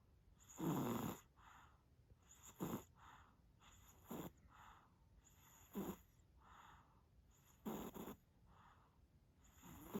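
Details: Very tired sleeping baby snoring: regular rough snores with softer breaths between, about 35 breath cycles a minute; infant snoring.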